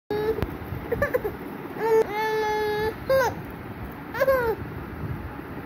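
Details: Baby girl crying for milk: short, high-pitched cries in bursts, some rising and falling, a hunger cry.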